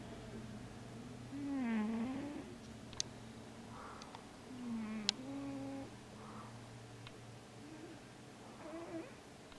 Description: Cute Siamese Cat Snoring & Moving In His Sleep!